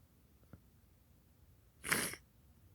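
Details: Single abrupt, explosive sneeze after a brief quiet intake of breath, deliberately induced by sniffing black pepper, in a quiet room; sneeze.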